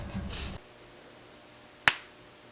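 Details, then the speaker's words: After brief talk, a single sharp pop as a person cracks their own hip by self-manipulation; a joint crack. "My back, what I do is I have a chair right here, and I just kind of go like this, and I doubt you heard any of those, but those were about 8 cracks, guys. So that's how I like to crack my back."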